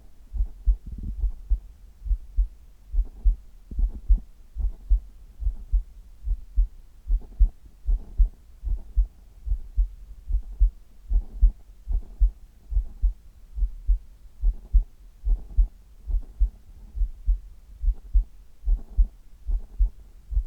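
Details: Steady, regular low heart thumps at about 72 beats per minute, recorded on an adult's chest for ASMR: normal heart sounds.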